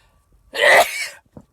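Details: One sharp, explosive sneeze with a brief trailing hiss, then quiet; part of a series of sneezes deliberately provoked with cayenne pepper.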